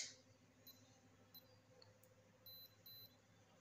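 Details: Fingertip clip pulse oximeter, battery-operated, taking an SpO2 and heart rate reading in a demonstration of its use: faint, soft high beeps over quiet room noise.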